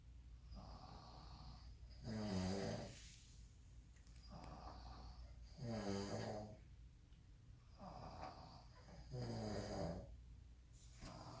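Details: Father or son asleep on a trip; loud, rattling snores every three to four seconds with quiet breathing between: loud snoring.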